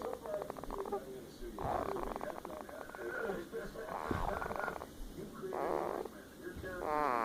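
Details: Person snoring during sleep: repeated rough, fluttering breath noises with quieter gaps between them.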